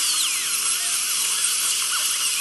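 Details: Dental surgical drill sectioning an infected wisdom tooth for extraction: steady high-pitched whine with water spray hiss.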